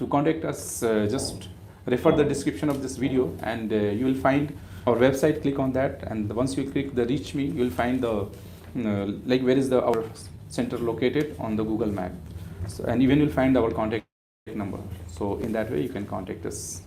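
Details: Adult male speaker; ordinary speech.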